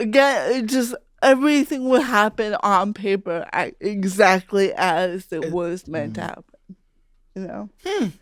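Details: Real speech of an adult woman, a stand-up comedian who grew up with cerebral palsy; her speech was noticed as different by age five; dysarthria (cerebral palsy).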